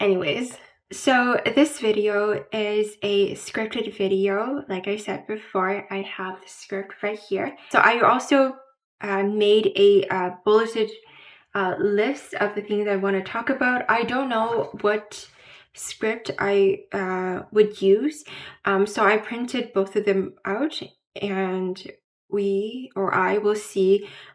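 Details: Adult woman with mild residual Broca aphasia after a stroke at age 12: repeats words and phrases, word-finding trouble, pauses, incorrect grammar, occasional slurring, slow speech; Broca aphasia (mild residual).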